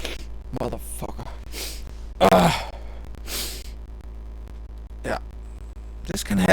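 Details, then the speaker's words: A single sudden, loud, explosive sneeze recorded during a microphone test, with a sharp intake before it and a breathy exhale after, with possible mic clipping; sneeze. "holy [ __ ] I'd have to sneeze so I need to put on the Jesus Christ"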